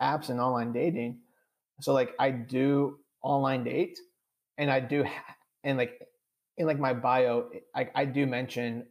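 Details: Adult who stutters and says he stutters on this recording; stuttering.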